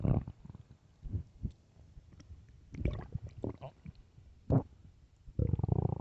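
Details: Late-night stomach growling: low gurgling rumbles and bubbly pops coming and going, then a longer growl at the end; ordinary borborygmi.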